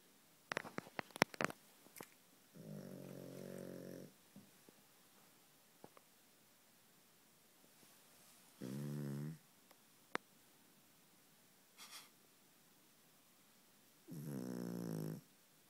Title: Old dog snoring